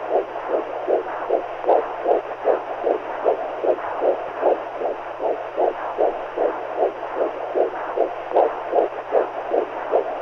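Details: 2 hours of womb noise for calming babies: rapid, regular whooshing fetal heartbeat at about 150 a minute on a CTG monitor over a steady hum.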